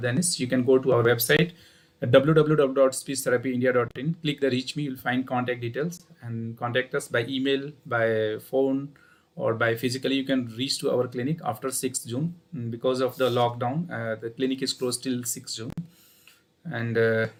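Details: Adult male speaker; Normal speech.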